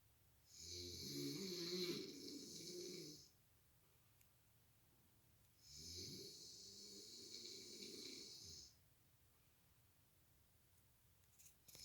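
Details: Partner snoring while asleep, waking a light sleeper: two long, rough snores about five seconds apart, each with a whistling hiss above the rumble, separated by quiet pauses.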